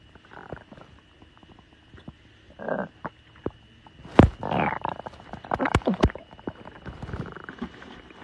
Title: tiktok girl's stomach growling 6